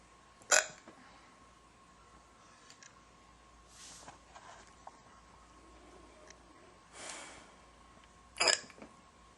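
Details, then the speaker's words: Girl with hiccups: two sharp, brief hiccups several seconds apart with faint breathing between, in a quiet room. "hiccups. Waiting for them to be over. Because I can't do anything else until they're over."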